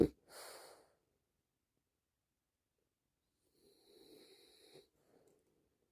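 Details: French Bulldog, a short-nosed dog, snoring while relaxing: two noisy, rattling breaths with a long quiet gap between them.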